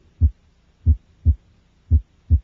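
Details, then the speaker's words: Child's heart at the left sternal border, subxiphoid region, through inspiration and expiration: soft, low tricuspid regurgitation murmur between beats, louder on inspiration and softer on expiration. "the murmur of tricuspid regurgitation is heard at the left sternal border in the subid region the murmur is loudest during inspiration and is softer during expiration"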